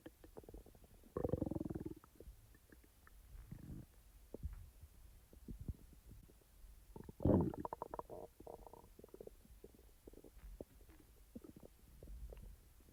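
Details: Real stomach sounds recorded from the person's own active stomach, not in real time: low gurgling rumbles with scattered pops, bubbling and two louder bursts; normal digestive bowel sounds (borborygmi).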